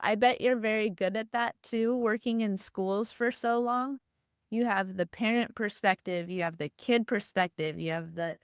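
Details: Adult woman speaking; typical speech.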